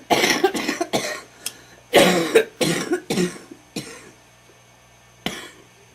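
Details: Wet smoker's cough after smoking homegrown tobacco: repeated harsh, rattling productive coughs in rapid bursts; painful.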